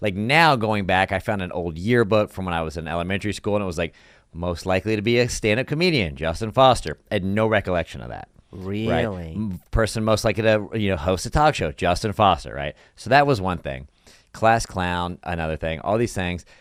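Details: Adult male speaker; normal fluent speech.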